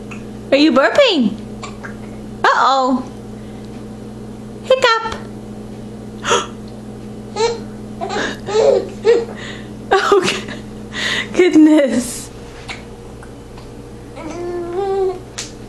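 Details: Young child's giggles and squeals interrupted by short, abrupt catches in the voice after eating sweet potatoes; hiccups.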